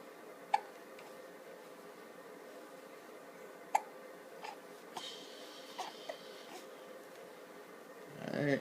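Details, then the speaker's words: Morning hiccups: a few brief, sharp hiccup clicks spaced seconds apart, about 19 a minute, over quiet room noise. "one two morning hiccup jumps did the camera scare the hiccups out of you no no it did not"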